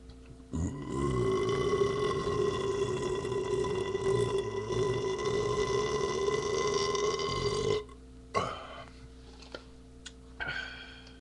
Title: Raw Jalepeno, slug of cough syrup, beer chug & burp